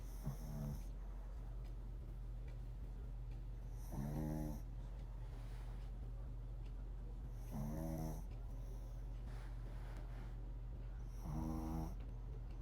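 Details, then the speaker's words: A pet dog, tagged as a puppy, asleep on a sofa. Four soft rasping snores about 3.5 seconds apart, about 17 a minute, over low room hum; the owner says it snored louder earlier: dog snoring. "Está bien dormidito. Está roncando, pero estaba roncando más fuerte."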